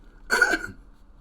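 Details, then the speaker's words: One brief, rough cough or throat-clearing burst from an adult man who says he is sick and has lost his voice, with quiet room noise around it. "Oh yeah, guys. I'm sick. Um, my throat is gone. My voice is gone. Um, yeah, just that that's why I sound like this."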